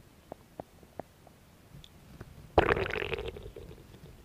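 A few soft gurgling clicks, then a longer rumbling, bubbling gurgle from the belly: ordinary bowel sounds of stomach growling.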